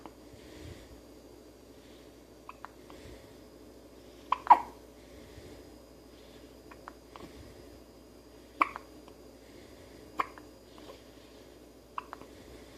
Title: Baby Hiccups